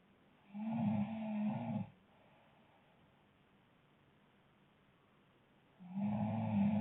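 Two loud, low, rattling breaths about five seconds apart, separated by quiet: snoring.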